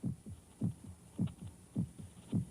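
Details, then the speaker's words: Human heart heard in a sound-isolated chamber, from a 1950s film: steady, regular lub-dub heart sounds at about 105 beats a minute with a low hum behind; a normal heartbeat. "one can hear things he never heard before the sound of air molecules beating against the eardrum the sound of the heart pounding against the rim did you ever see a living beating human heart"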